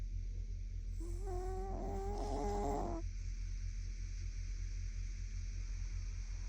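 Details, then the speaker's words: Sleeping puppy, tagged Pekingese and pug, snoring and twitching in its sleep; snoring. "グーちゃんの寝顔といびきをお届け。"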